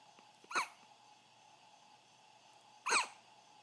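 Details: Hiccups at 2:30 AM: two abrupt, sharp hiccups a couple of seconds apart in a quiet room; hiccups.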